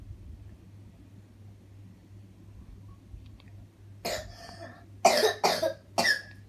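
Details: Child with a cough, reportedly after eating ice cream and cold drinks: quiet room, then four short harsh coughs, the last three in quick succession.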